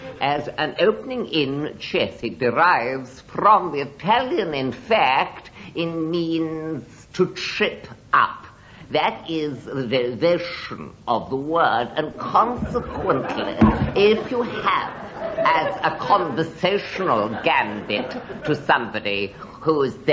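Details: Adult male speaker; Normal speech.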